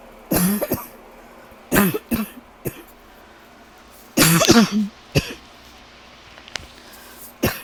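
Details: Awake at night with persistent cough for days, no uninterrupted sleep; repeated harsh coughing in clusters of two to three, throat-clearing quality, about eight coughs in total.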